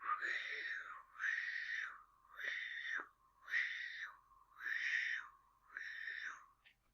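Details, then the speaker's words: Vocal imitation of a patent ductus arteriosus continuous murmur, with blood flowing continuously through the still-open ductus: a rolling, machine-like whooshing that swells and fades without fully stopping, about 52 cycles a minute. "a patent ductus arteriosis means one that's still open and you'll be able to hear the blood continuously going from the across where it's not supposed to be going"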